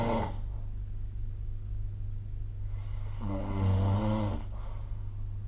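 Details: Two harsh, rattling breath sounds about three seconds apart over a steady low hum, recorded with a snoring-tracking phone app; snoring.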